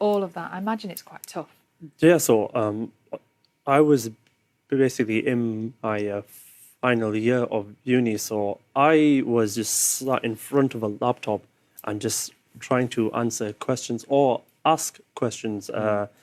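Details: Young man with a stammer, which he says makes video calls hard; stuttering.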